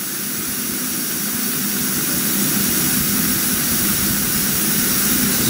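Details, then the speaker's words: Oxygen E cylinder with an Intelliox tank that calculates duration: steady loud hiss of gas through the regulator at 15 L/min for a non-rebreather mask, about 28 minutes until empty; oxygen flow from the cylinder. "let's put them on a non-rebreather 15 liters per minute to back it up a little bit"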